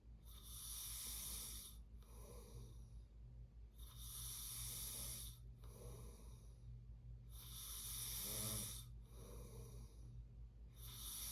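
Loud, rattling snores repeat on each breath, about 16 breaths a minute, with a steady low hum behind them. Ordinary sleep snoring.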